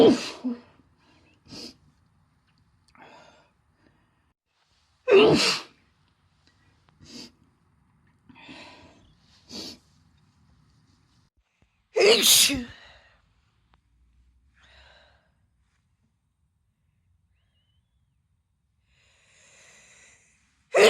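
A run of separate sneezes, some loud and some soft, with quiet gaps between them: repeated sneezing.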